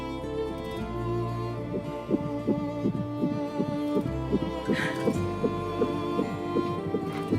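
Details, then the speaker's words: Simulated drama scene, fetus at 10 weeks 4 days (about 4 cm, 9 g), doctor listening by Doppler: rapid, regular whooshing fetal heartbeat about 160 per minute under string music. "Şimdi bir de kalp atışlarını dinleyelim"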